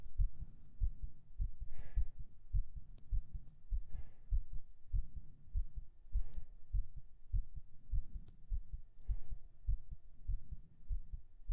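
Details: Binaural recording of a heartbeat right after 37 push-ups: fast, steady beat around 100 a minute with heavy breathing over it; a rapid heartbeat after exercise.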